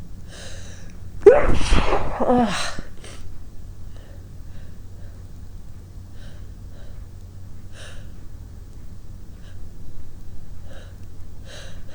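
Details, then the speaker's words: Induced sneeze, triggered by tickling the nose with a basil plant stalk and caught in a large grey striped handkerchief: a sharp intake of breath and one forceful blast, then sniffing. "I'll have to induce when I want to sneeze for you and today I'm today I'm using a silk of a Bassel plant and I'm trying to catch the sneezes in a big gray hanky with some stripes on"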